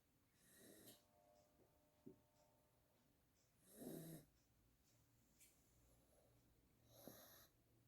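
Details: Sleeping Pomeranian dog snoring loudly; three snorting, rattling breaths spaced a few seconds apart with quiet pauses between; snoring.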